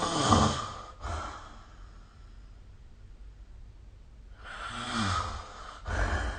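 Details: Snoring during sleep recorded with the SnoreLab phone app: two loud, rough snoring breaths with a quiet pause between them.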